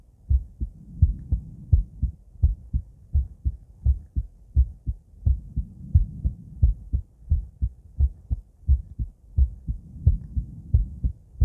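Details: Female heart auscultated with several different stethoscopes via microphone, moving Erb's point, mitral, tricuspid, aortic, then pulmonic; steady lub-dub about 85/min with crisp first and second sounds, no extra noises; normal heart sounds.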